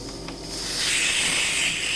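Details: Soft hiss swelling into a steady loud rush of gas as the nebulization port of an Oxymed Mini oxygen concentrator is opened during a demonstration.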